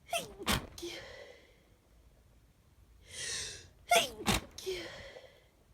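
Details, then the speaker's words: Two pairs of sharp sneezes, each opened by a quick inward gasp, from a person with half a cold who is stuffy with a runny nose but feels fine; sneezing. "of compilation video of sneezes I've had that I've caught on camera over the past couple of days or so. I have kind of like half a cold, I'm quite stuffy and my nose runs quite a bit, but I feel fine in myself."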